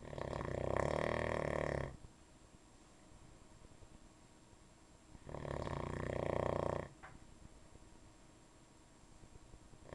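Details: Nightly snoring: two loud, rattling snores on inhalation, about five seconds apart, with quiet breathing between.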